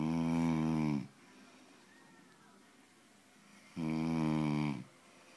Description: Hubby snoring so loud!